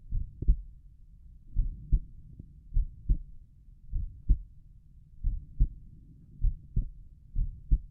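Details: Normal heart sounds recorded at Erb's point while the person lies down relaxing: low, steady lub-dub pairs at roughly 50 beats a minute over faint rumbling background.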